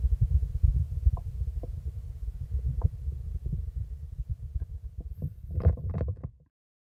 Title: Blood Pressure - Korotkoff Sounds II